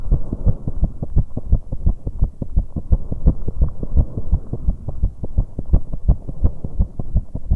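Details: A 19-year-old woman's heartbeat after exercising on an exercise bike: a fast, pounding heartbeat with an uneven rhythm, fitting occasional premature beats (extrasystoles, PVC), i.e. irregular heartbeat with premature beats after exercise.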